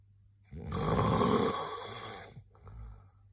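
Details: Person's own snoring recorded during sleep: one loud, rough, rattling snore on the in-breath, then a quieter breath out in a quiet room.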